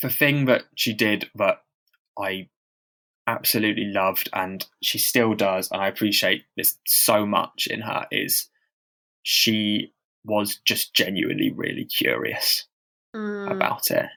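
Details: Stammering in a man who stammers and reports experiencing heavy blocks, speaking as co-host of a stammering association podcast; real, not acted.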